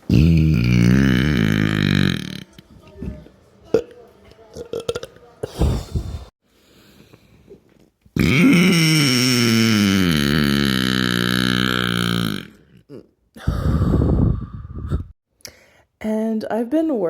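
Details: Long, loud, deep voiced belches, two sustained for several seconds with short gaps and a brief voiced sound at the end; deliberate burping.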